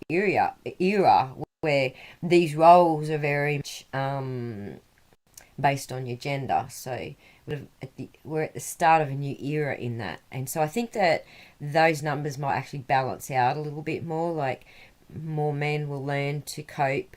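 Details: Woman who reports difficulty putting words together and finding the words she wants, speaking with stuttering.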